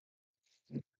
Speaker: You hear that snoring? That's my dog.